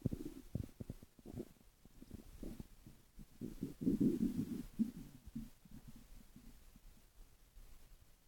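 Irregular gurgling and rumbling bowel sounds in bursts of varying loudness, ordinary stomach growling.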